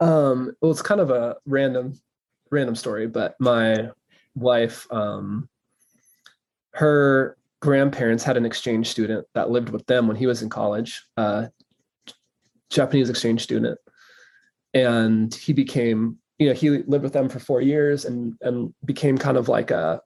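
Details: Adult male who says he stutters, real not acted, recording left unedited so disfluencies are kept; stuttering.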